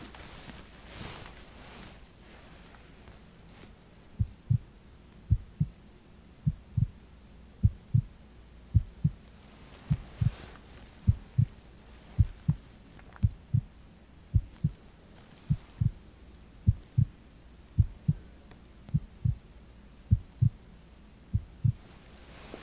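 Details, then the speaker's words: Normal heart sounds played during a relaxing, ASMR-style first-person physical exam by a doctor, just before an abdominal exam; the heart is described as sounding normal. "So as you could tell, your heart sounds normal as well."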